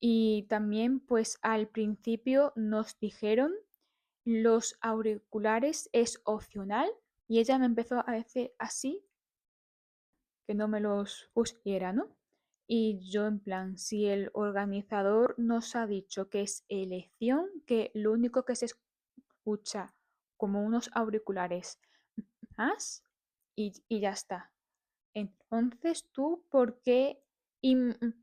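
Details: Adult woman who stutters, speaking Spanish; uses breathing practice and tapping to manage it; stuttering.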